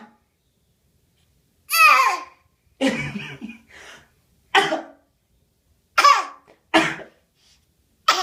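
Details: Infant makes short, voiced, cough-like bursts; a deliberate fake cough rather than a reflex one.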